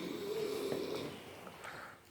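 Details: One rough, rattling snore on a breath in, with a snort-like edge, fading as the breath ends: snoring.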